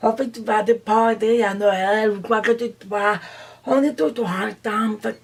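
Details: Deaf woman who uses an implant; deaf speech.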